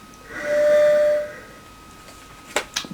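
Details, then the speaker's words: A brief high-pitched whistle from an inhaler spacer, followed by clicks, in a man with bronchiectasis caused by follicular lymphoma using a salbutamol inhaler; the whistle signals breathing in too hard. "if it makes that whistling noise I'm breathing in too hard so shouldn't breathe in too hard at that"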